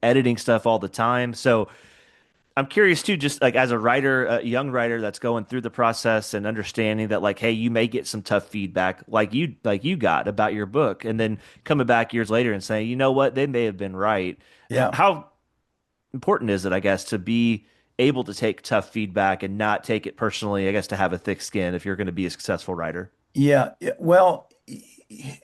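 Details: Adult male speaker; typical speech.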